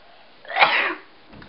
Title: The Sneeze